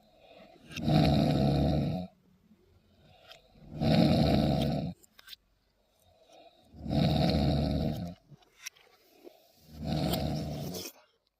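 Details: Drunk man snoring heavily after a year-end party: loud, rattling snores on each breath in, about three per ten seconds, with quiet breathing out between.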